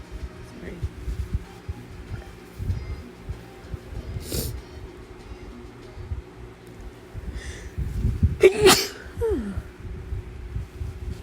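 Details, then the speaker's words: Adult sneezing induced by Chhinkni sneezing powder: one sharp sneeze then a loud forceful burst against low room noise; described as very intense. "Oh my goodness, I have to sneeze. Okay. Very intense. I don't know why."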